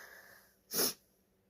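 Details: Female, with sneezing she thinks is from allergies or hay fever: a single short, sharp hissing burst of air, like a stifled sneeze, against near silence.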